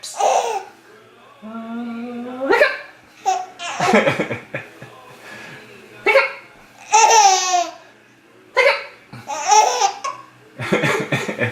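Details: Baby laughing and squealing while having hiccups, broken by abrupt little catches in the breath.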